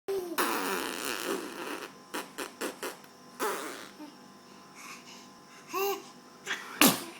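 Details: An infant's small vocal sounds and rustling, ending in a sharp, brief sneeze near the close.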